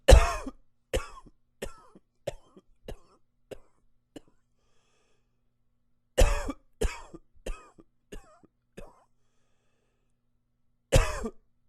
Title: Coughing 27